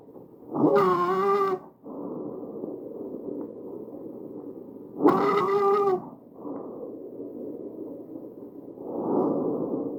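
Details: Tracheal stridor from a narrowed airway: harsh, high-pitched musical breath sounds.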